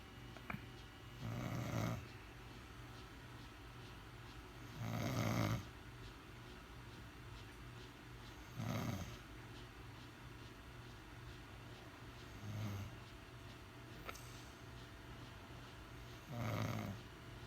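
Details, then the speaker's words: Sleeping woman whose nightly snoring wakes the household: rough snores on breathing in, about 17 a minute, some louder than others, over steady room hum; ordinary snoring. "She need to shut the fuck up. Fucking waking everybody up in the fucking house with this shit."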